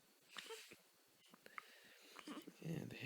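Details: Infant hiccups in a baby girl who just woke up cranky, possibly with gas: faint, abrupt little catches recurring irregularly over quiet room noise.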